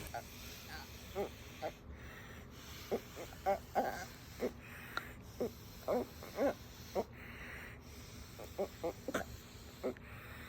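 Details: Toddler girl born with Pfeiffer syndrome (craniosynostosis), with a tracheostomy, making sounds over her trach; vocalization through a tracheostomy.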